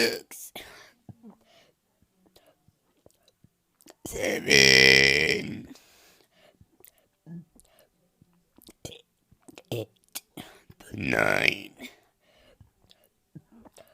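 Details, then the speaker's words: Person demonstrating voluntary burping by swallowing air and pushing it back up: two long, loud, rumbling burps separated by quiet breathing and small mouth sounds; burping. "so how you is you kind of swallow air down here and then you just and then you would like try to push it back up kind of it's hard to explain but"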